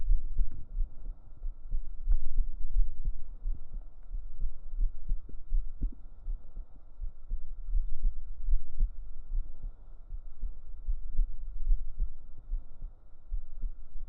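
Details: A real heartbeat recorded up close on the chest with binaural microphones: deep, muffled lub-dub beats, steady and regular at roughly 70 per minute, over a low hum; heartbeat.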